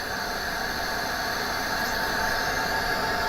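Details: Continuous loud hissing rush of gas from a Max Venturi heated high-flow nasal cannula system with the flow meter set at 50 litres; high-flow oxygen gas flow.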